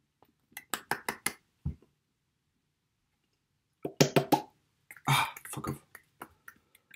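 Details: Person with Tourette syndrome during an episode of phonic tics with coprolalia, involuntary obscene vocalizations, alongside motor tics.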